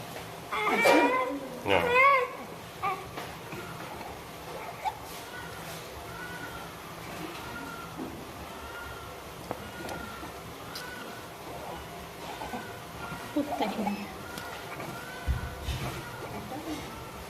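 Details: Soft, regular high-pitched noisy breaths from a newborn placed in prone position, a typical case of inspiratory stridor with tracheal tug, attributed to laryngomalacia.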